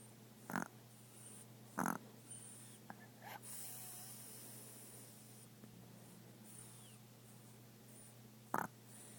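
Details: Dog named in the recording sleeping and snoring: a few short snorting snores separated by quiet pauses over a steady low room hum.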